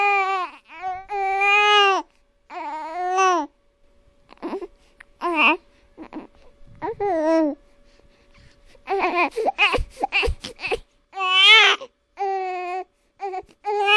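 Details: Real infant crying in repeated wailing bursts, with pauses and short fussing sounds between them.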